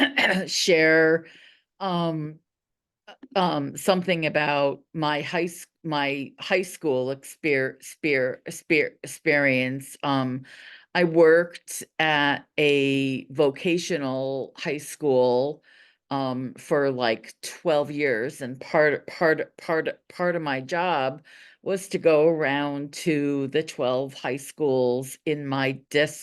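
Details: Adult woman who stutters (real, not acted), with audible part-word and whole-word repetitions; stuttering.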